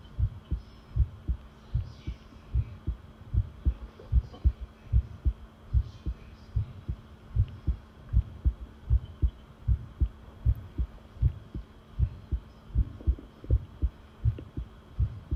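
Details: Long self-recorded heartbeat taken while listening: steady, regular low thumps at about 77 beats a minute over a faint steady hum; normal heart sounds.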